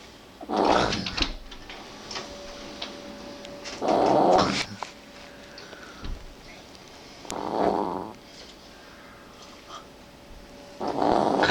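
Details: Male sleeper snoring at 8 AM, early in sleep and said to be quieter than his later deep-sleep snoring: rough, rattling snores on each in-breath, about 17 a minute, in a quiet room.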